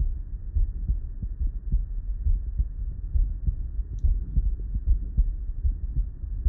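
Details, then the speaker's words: Steady low thumping heartbeat at about 80 a minute, with a low rumbling hum, as a nurse listens on herself through an Eko Core digital stethoscope attachment with amplification, connected to the app. "first of all the sound quality was amazing this is such a nice crisp clear sound when you're listening and I was just listening on myself"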